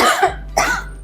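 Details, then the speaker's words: Two short, harsh acted cough bursts from an adult in a cold-medicine advert, portraying cough and cold after getting caught in the rain. "Iya sampai batuk pilek badan juga enggak enak"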